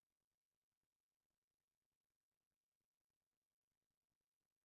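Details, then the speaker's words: Teaching example of atrial septal defect: faint, quick heart sounds with a soft systolic murmur at the pulmonary area, second left intercostal space parasternal. "En este momento vamos a a escuchar cómo se podría auscultar un paciente con este soplo característico, eh soplo sistólico, recordemos, sobre el segundo espacio intercostal izquierdo para external."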